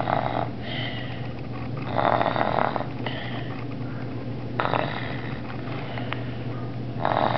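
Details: Snoring from a person who fell asleep sitting at the kitchen table while waiting for dinner: rough, rattling sleep snores recur every few seconds over a steady low room hum.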